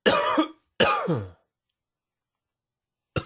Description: Another allergy induced coughing fit.